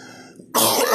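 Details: Adult man in a hospital bed in isolation, coronavirus, three days before his death: a single abrupt harsh cough burst in a quiet room.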